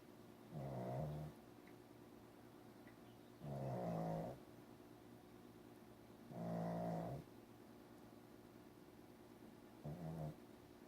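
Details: Regular low, throaty snores about every three seconds, roughly 20 a minute, with quiet pauses between them; snoring.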